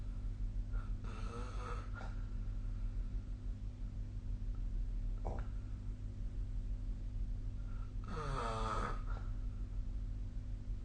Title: 🐽 本日のイビキ / Snoring Sleep Sound 2025/01/25